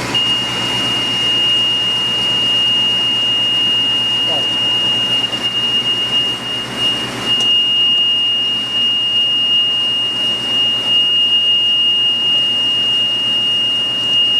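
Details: Portable oxygen generator producing medical-grade oxygen, running during a training demonstration, starting up and cycling: steady loud machine noise with a continuous high whine.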